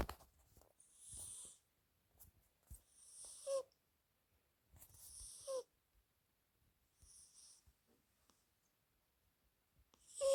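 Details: Sleeping British Shorthair cat snoring; snoring.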